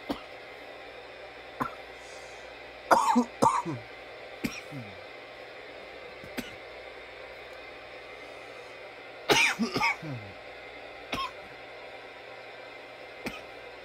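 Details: From nearly 10 minutes of coughing: repeated dry coughs at irregular intervals, single and in short double bursts, over a quiet hum.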